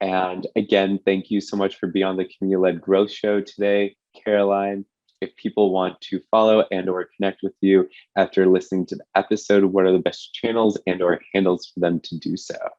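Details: Adult man speaking; Normal adult speech.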